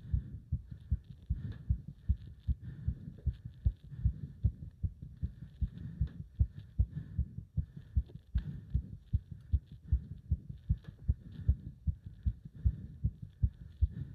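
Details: Heart sounds during leg wrench exercise: fast, strong, regular heartbeat of about 150 beats a minute, pounding so hard the pulse was felt up to the subclavian artery; a rapid heartbeat during exercise.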